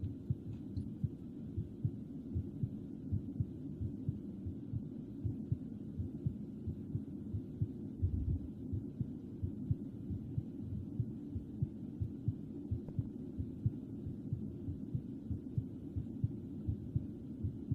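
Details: Soft, steady low thumps under a constant hum: a regular heartbeat used as a relaxation backdrop beneath soft whispering, in an edited ASMR audio.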